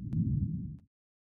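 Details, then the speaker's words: Simulated venous pulsatile tinnitus: single low muffled whoosh under a second, illustrating whooshing caused by narrowing of the transverse sinuses (intracranial vein stenosis), e.g. with high brain fluid pressure. "उच्च मस्तिष्क द्रव दबाव के साथ, अनुप्रस्थ sinus कहे जाने वाले रक्त को बाहर निकालने वाली दो बड़ी नसें संकुचित हो जाती हैं। यह संकीर्णता "हूशिंग" टिनिटस का कारण बनती है।"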